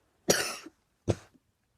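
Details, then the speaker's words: Person filming a series of coughing all day, saying he needs a cough drop: two harsh, dry-sounding coughs about a second apart, the first longer; cough. "And today you're going to watch me for another 2 minutes cough my lungs"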